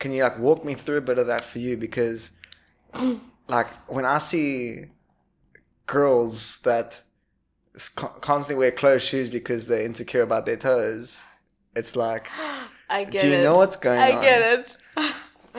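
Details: Adult speaker in a small room; typical speech.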